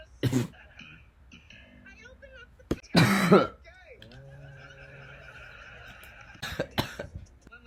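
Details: An adult who was very sick and delirious gives several harsh, forceful coughs with throat clearing and some low voiced sounds between them in a quiet room; repeated coughing.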